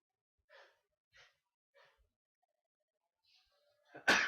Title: sneezes